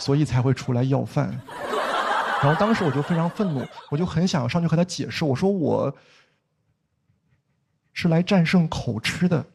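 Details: Stand-up comedian who stutters, performing stand-up comedy as a person who stutters. Finding: stuttering.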